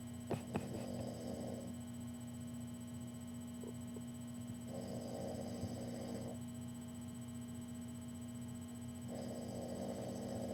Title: stop snoring!!!!